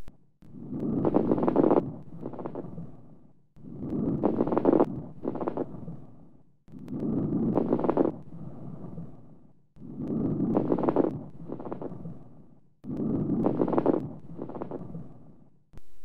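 Five breath cycles with loud, low-pitched bubbling crackles through inspiration, coarse crackles from secretions in larger airways.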